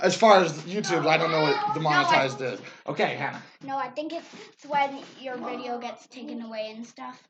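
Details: Adult speaker in a small room; no disorder.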